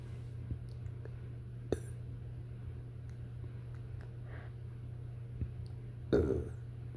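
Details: Belching after eating a giant portion of fettuccine alfredo in about 3 minutes: a steady low hum with faint clicks, then one short throaty burp near the end; nauseous burp.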